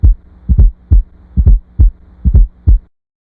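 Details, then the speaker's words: Simulated fourth heart sound (S4, atrial gallop) near 68 beats a minute: extra soft late-diastolic sound just before S1, best heard with stethoscope bell at the cardiac apex, played slow then real time. "The S4 heart sound is heard best at the cardiac apex with the bell of the stethoscope. It is heard in late diastole and is often described as an atrial gallop rhythm."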